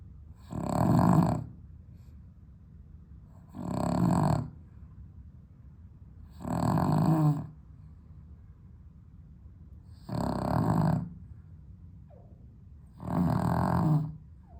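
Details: Dog snoring with sleep apnea, on heart medication, on a hot 32°C day without air conditioning: loud rough snores on each inhalation, about 20 per minute, with quiet gaps between.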